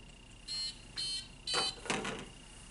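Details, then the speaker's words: Enteral feeding pump alarm: four short electronic beeps because a gastrostomy tube feeding was paused on hold for medication administration and needs restarting. "and just in time for the feeding was on hold and now it's beeping at me that it needs to be turned back on because it's only it it'll beep after a couple of minutes that needs to be restarted"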